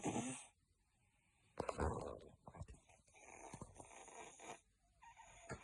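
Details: Cat with noisy, congested snoring breaths and wet, rattling snorts, consistent with nasal congestion.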